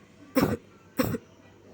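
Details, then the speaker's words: Simulated nursing demonstration of the effective cough technique: an adult female patient, after deep-breathing instructions, is asked to cough 2–3 times and gives two short, forceful coughs to clear airway secretions. "tolong Ibu batuk 2/3 kali ya Bu"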